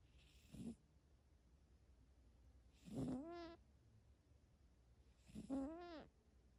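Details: A sleeping female cat snores softly, each breath a brief snort ending in a high squeaky whistle.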